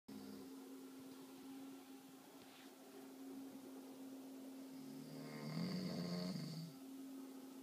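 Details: Snore near the end of the clip, rough and buzzing, over a steady electrical hum; sleep snoring.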